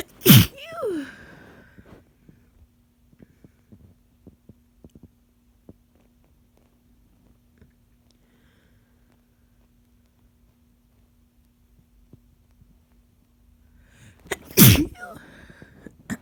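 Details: Person sick with a cold: two sharp, explosive sneezes about fourteen seconds apart, each with a short breath before it. Sneezing.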